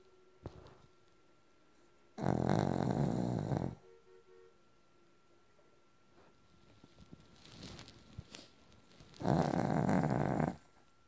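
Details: Two loud, rumbling snores about seven seconds apart, with quiet breathing and small snuffles between, in a quiet room.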